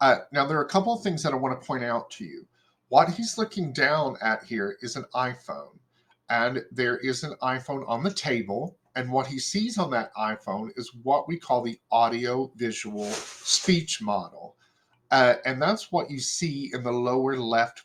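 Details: Adult male presenter; normal speech.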